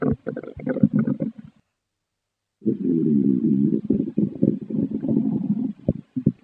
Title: Pasta Stomach Growling #Adventuretime